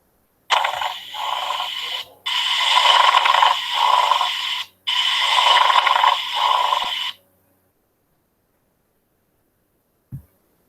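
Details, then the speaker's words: Pleural friction rub in pleurisy, from inflammation of both parietal and visceral pleura: harsh grating, scraping sounds in three bursts with breathing. "Bueno, en caso de una pleuresía, que es una alteración propiamente de la cavidad pleural, que hay una inflamación de las dos pleuras. ¿Y cómo se escucha el roce pleural?"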